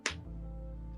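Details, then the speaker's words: Knee joint cracking (crepitus): a single sharp crack or pop from an adult's moving knee, followed by a steady low hum; the knees crack and pop all the time. "you hear that that wasn't your knee yes it was that was my knee cracking they crack all the time my knees do they pop consistently"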